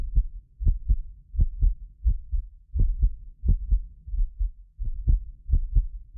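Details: Real heartbeat of a medically fit person recorded with multiple precision contact microphones: regular low thumps in close pairs at about 87 a minute, occasional doubled clicks from a ~6 ms inter-microphone delay, not heart disease; normal heart sounds.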